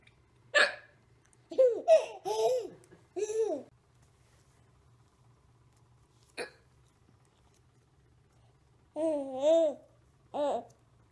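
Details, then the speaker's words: Nursing infant boy with hiccups, laughing between them: about three sudden short hiccup jolts mixed with bursts of bubbly baby laughter; ordinary infant hiccups. "he's laughing at me while the hiccup so he's nursing"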